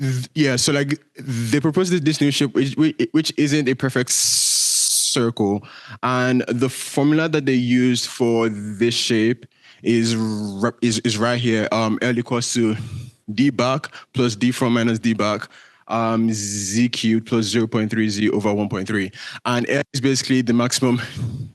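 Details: Male speaker with a self-reported stutter that shows as repetitions, prolongations or blocks. Stuttering.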